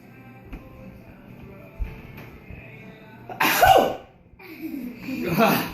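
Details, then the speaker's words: Sneezing fit in a person after deliberately taking a big whiff of chipotle pepper rub seasoning: two loud, abrupt sneeze bursts after quiet sniffing, with faint background music; sneezes, not coughs. "Those are sneezes, by the way, not coughs. Bless you. Snos. I can't stop sneezing."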